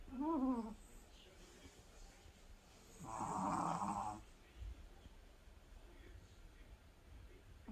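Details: Tired sleeping person snoring: a soft, low rumbling snore on one breath after a brief high vocal sound, in a quiet room.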